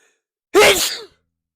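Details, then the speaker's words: Self-induced sneeze, triggered by a rolled toilet-paper cylinder inserted into the left nostril with eyes closed: a single abrupt, forceful sneeze burst that fades quickly. "For some reason, the stuff on toilet paper really makes me sneeze."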